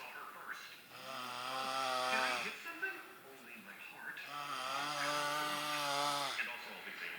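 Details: Sleeping friend snoring: loud drawn-out vibrating snores, two long rattling cycles in about 7 seconds, in a small room.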